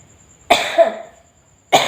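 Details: Two harsh single coughs from an older woman who has been ill with a severe cough and fever, the first trailing into a rough, throaty tail; faint steady background hum.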